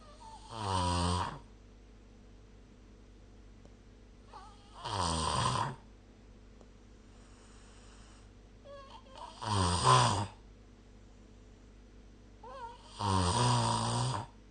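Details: Loud, rough snores about every four seconds, roughly 14 a minute with quiet gaps, during sleep, recorded with the SnoreLab smartphone app.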